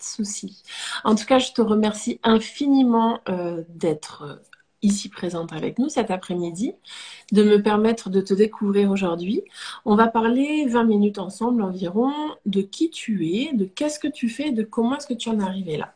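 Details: Adult woman speaking French; Normal voice.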